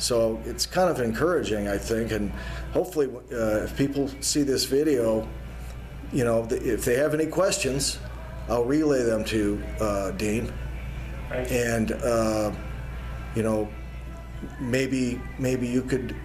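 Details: Adult man speaking; ordinary speech.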